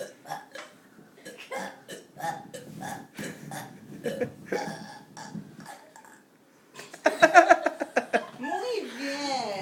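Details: Two people burping: series of short belches with laughter and talk, ending in a drawn-out voiced burp.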